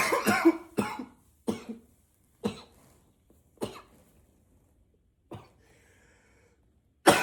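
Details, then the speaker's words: Acted (simulated) unstoppable coughing spell while trying to be quiet: about seven forceful coughs muffled into a pillow, still loud and powerful, last cough let out loudly; coughing fit. "Oh my God. I can't stop coughing."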